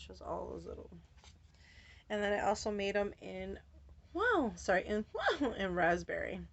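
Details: Adult woman with Tourette syndrome whose vocal tics, interjections ("wow", "whoa") and repeated words, interrupt her speech; she says her tics have been very active since a change of medication; vocal tic (Tourette syndrome).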